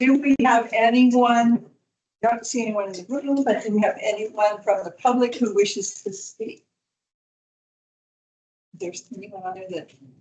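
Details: Adult woman speaking; ordinary speech.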